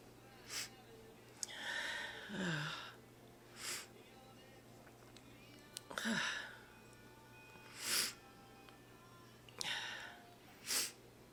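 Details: Person announcing sneezes beforehand, then several short, explosive bursts of breath with voiced sounds between, a run of sneezes, with faint background music; sneezing.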